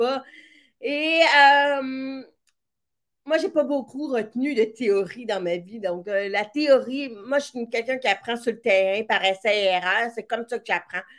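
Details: Speech of a woman with severe-to-profound deafness who hears with a hearing aid in her right ear and now also a cochlear implant, and who trained her voice on her own; deaf speech.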